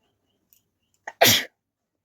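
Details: A woman doing a sneezing challenge without a hanky, using a folded piece to trigger sneezes. A brief inhaled catch is followed by a single sharp, explosive sneeze, then silence.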